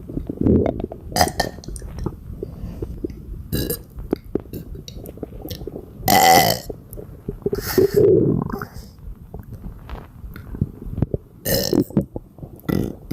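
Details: A person who is badly bloated gives several loud, drawn-out burps among gurgling throat and stomach noises, burping non-stop for minutes. Finding: belching.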